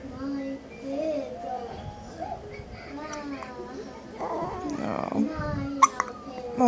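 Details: Infant with hiccups: babbling and fussing voice broken by brief, abrupt catches; hiccups.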